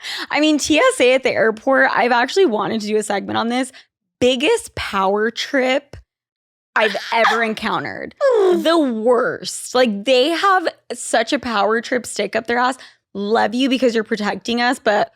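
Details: Adult speaker, conversational recording; typical speech.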